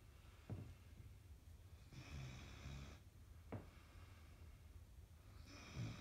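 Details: Soft, low, rumbling breaths with brief snorts and airy hissing phases in a quiet room; snoring.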